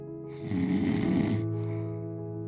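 One rough, rattling snore heard over steady background music.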